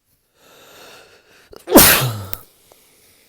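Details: Person with a cold, sneezing 160–200 times a day for three days and usually stifling. One loud, explosive sneeze after a quiet intake and catch, fading with a short trailing sound, during a small fit.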